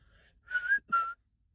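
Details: Two short whistles in quick succession interrupting quiet speech pauses from a university student with Tourette syndrome; whistling vocal tic.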